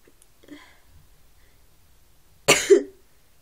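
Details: Person feeling unwell: quiet room with faint earlier sounds, then a single sharp cough burst with a brief voiced tail; cough.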